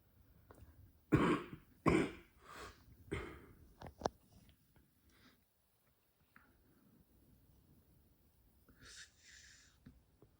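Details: Adult woman who has smoked a pack a day of Marlboro Red for 14 years, with a cough that began a while ago; about four harsh coughs in a quick run while smoking, then quiet breathing in a small room. Smoker's cough.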